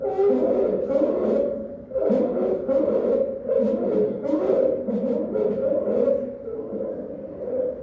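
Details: Inspiratory stridor in a child with croup, teaching recording: rapid, harsh, high-pitched crowing breaths repeating one after another with a strained musical tone.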